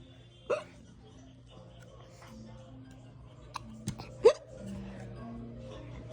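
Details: Infant girl laughing while having hiccups: about four short, sharp hiccups at irregular intervals with soft background music; infant hiccups.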